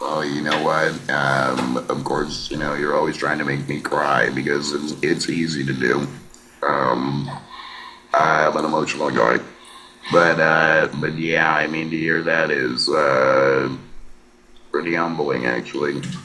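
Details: Laryngectomee man who speaks with an electrolarynx (artificial voice) and gets scoped regularly; electrolarynx speech after laryngectomy.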